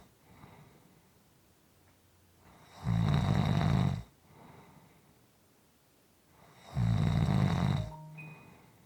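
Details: Two loud, rough, low-pitched snores on breathing in, each about a second long, separated by quiet breathing out; steady, soft sleep snoring.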